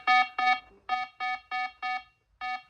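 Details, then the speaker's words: Pulse oximeter on an adult woman with 22q11.2 deletion syndrome, oxygen saturation falling 88, 87, 86% (low SpO2 and heart rate): repeating steady electronic beeps in a regular pattern; low-saturation alarm. "oxygen stats are now at 88 start 87 down sorry about that annoying beat 86"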